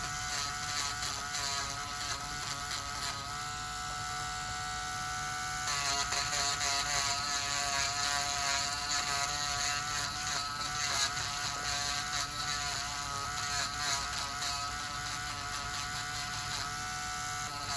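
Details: Steady high-pitched whirring drill with slight pitch changes: a podiatry burr reducing severely thickened fungal toenails of a male patient on dialysis for one year with high blood pressure; lab samples are pending.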